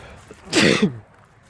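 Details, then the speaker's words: Single forceful outdoor sneeze, a sharp noisy burst with a short voiced tail, during a sneezing fit while someone nearby mows grass. "And somebody's mowing their grass. So this might be Sneezing Fit Part 2."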